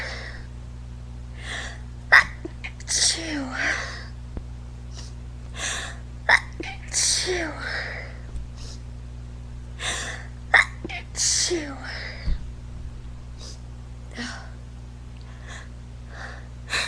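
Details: A drag performer's sneezing fit during quarantine: about four sharp sneezes, each preceded by a gasping inhale; the performer wonders if it's just allergies.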